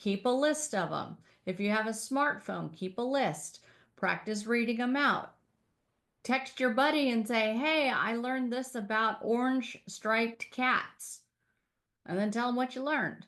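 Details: Adult woman speaking; no disorder.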